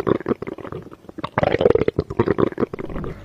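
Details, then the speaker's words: Normal bowel sounds heard by stethoscope over the abdomen: soft, irregular gurgling and bubbling occurring every 5 to 15 seconds, indicating normal bowel movement. "First is normal bowel sound which is soft gurgling sound occur every 5 to 15 seconds which indicate normal bowel movement."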